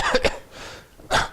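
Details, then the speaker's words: Three short, harsh throat-clearing bursts, imitated, illustrating habitual clearing from post-nasal drip in allergic rhinitis. "God have throat clearing they're like that they hear it their family hears it their co-workers hear it drives people nuts"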